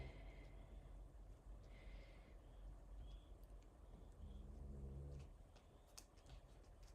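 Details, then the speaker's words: Loud, low, rumbling purr-like snoring from a sleeping female dog, with one louder drawn-out snore near the end. "The dog is currently snoring, so apologies if you can hear her snoring. She can be quite loud,"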